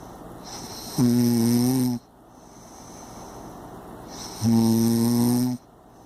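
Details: Impressive heavy snoring: two loud, buzzing, vibrating snores on inhalation, each about a second long, with quiet breathing between.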